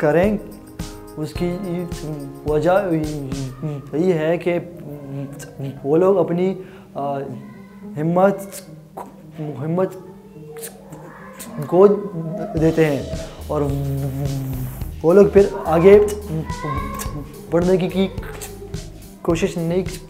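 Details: Adult man with a stammer since childhood that worsened after other children laughed at him, speaking Hindi/Urdu; stuttering.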